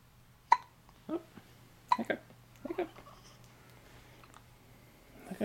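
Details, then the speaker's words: Infant hiccups, which tummy time later relieves: soft, abrupt little catches repeat about four times in five seconds over a quiet room hum, described as big hiccups. "you got the hiccups here give me a good squeeze here give me a good squeeze get me yeah hiccups oh man those are some big hiccups"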